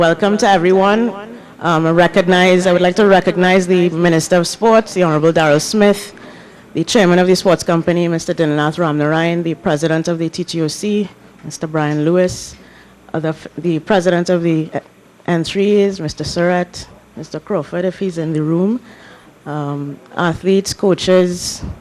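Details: Adult speaker; normal speech.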